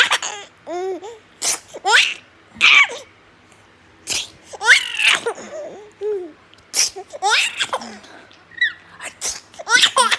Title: Baby laughing at sneeze😍😄